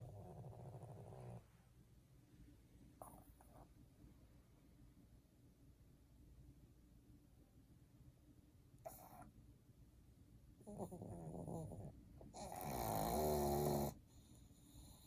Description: How cute pug snoring while sleeping